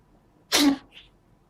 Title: Cat won't stop sneezing